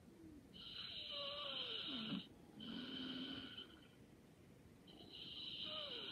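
Soft, whistly breathing sounds during sleep, two long drawn-out breaths with a tonal, fluttering quality: light snoring.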